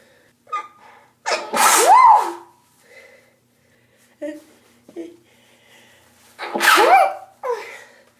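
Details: An itchy morning sneezing fit, first thing after waking and before taking antihistamines: two loud, sharp sneezes, each after a quick indrawn breath, with softer breaths between.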